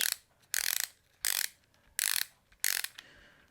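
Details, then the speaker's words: EXOS BOA removable wrist cast worn for a left distal radius fracture after surgery: four to five short bursts of rapid clicking as the ratchet dial is turned to slowly tighten the cast; cast dial ratcheting. "then you take this little half moon and slide it back until it's even and then push it down and then slowly tighten it as"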